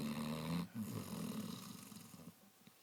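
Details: Snoring Basset Hound: a low, rumbling, fluttering breath sound that fades out from the sleeping dog.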